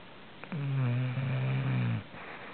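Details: Snoring: one long, low, buzzing snore lasting about a second and a half in a quiet room, with someone then asking him to quiet down.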